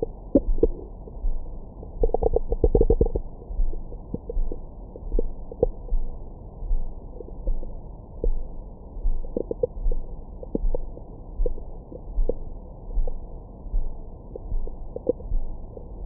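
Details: Low gurgling bursts and brief squeaks over a steady low hum, recorded over the abdomen with a Stemoscope stethoscope microphone after a large meal for ASMR: active bowel sounds, stomach growling.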